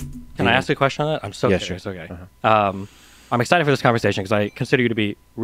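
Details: Adult male speaker; Normal conversational speech.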